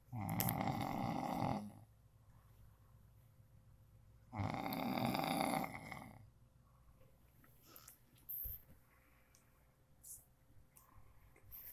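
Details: Person snoring loudly during sleep: two loud, harsh snores about four seconds apart, with quiet room noise between them; heavy snoring.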